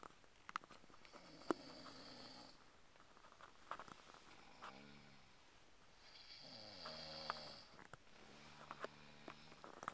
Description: This was how 3 people snored at the same time...